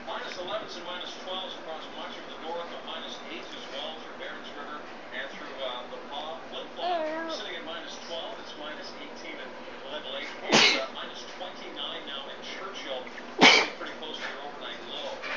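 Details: Mother and baby sneezing: two sharp, sudden sneezes over a television weather broadcast and soft baby sounds.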